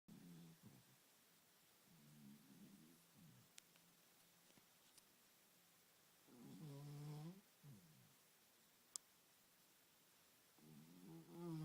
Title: snoring Burrito